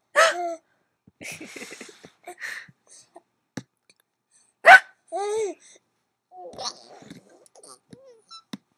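Several sharp, abrupt voiced catches mixed with laughter and small vocal sounds in a quiet room, fitting hiccups.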